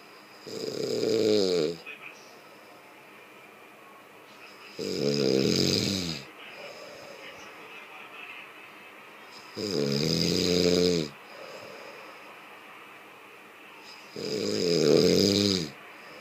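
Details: Snoring person: four loud, rattling snores at about 13 a minute, each on an in-breath with quiet gaps between.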